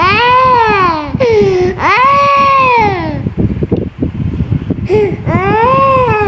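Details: Young child unwell with a cold, coughing and in discomfort: loud, long strained wails with short gasps and whimpers between; distressed crying.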